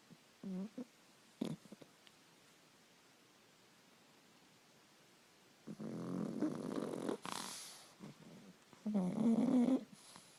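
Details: A Boston Terrier snoring while hidden under a blanket: irregular rough, rattling breaths and short nasal snorts separated by a quiet pause; snoring.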